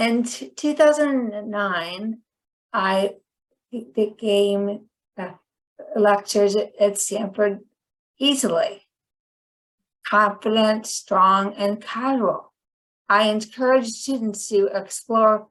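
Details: Woman with chronic non-fluent aphasia about 10 years after a stroke that initially left her hemiplegic and unable to speak; finding: non-fluent aphasia.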